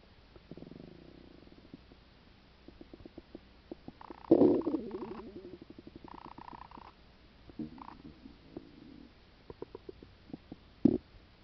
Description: Stomach Sounds Caused by Stomach Ulcer